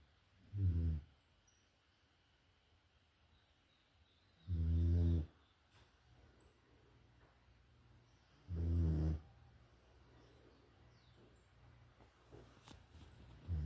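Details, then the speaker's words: Loud snoring, likened to thunder: three low, rattling snores about four seconds apart, roughly 15 a minute, with quiet breathing between. "Meu Deus do céu, parece um trovão."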